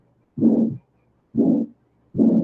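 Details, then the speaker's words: Physiological flow murmur, a benign adaptive murmur, described as possibly occurring in pregnancy from increased blood volume or in anaemia with raised heart rate. "lo podemos encontrar, por ejemplo, en una paciente embarazada y puede hacer algo fisiológico, nada más adaptativo por el incremento del volumen que le genera el embarazo."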